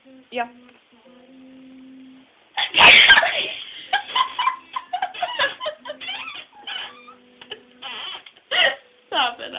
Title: Sneezing hahaha.